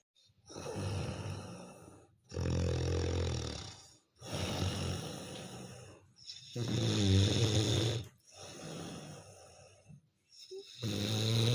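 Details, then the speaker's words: Loud, rough, rattling snoring at about 14 breaths a minute in a quiet room at 2 a.m. on a winter night; the listener cannot sleep because of the snoring. "আর আমি রাত দুটো সময় করে বেড়াচ্ছি নাক ডাকাতে ঘুমাতে পারছি না"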